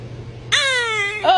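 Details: A brief, high-pitched, clearly voiced wail from a toddler, starting suddenly after quiet, around a sneeze; a short cry.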